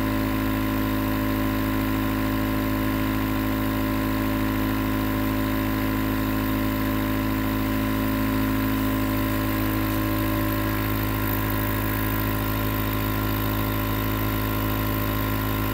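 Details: Nebulizer compressor recorded as 20 minutes of sleep white noise: steady, unbroken mechanical hum with a fast buzzing rattle as the nebulizer runs.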